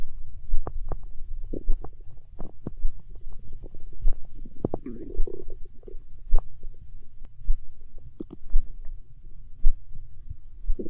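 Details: Hunger stomach growl in an ASMR recording: low gurgling rumbles and bubbling pops from the belly, stomach growling (borborygmi) from gut movement.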